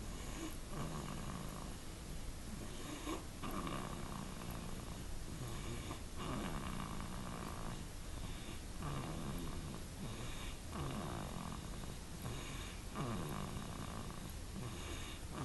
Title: Parker snoring 2-15-13